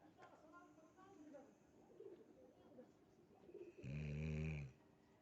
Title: My dog sleeps snoring🐶🦮❤